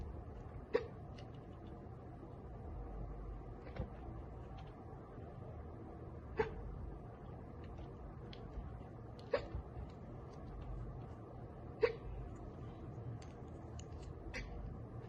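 Soft, sharp hiccups about every three seconds, five in fifteen seconds, over steady room noise.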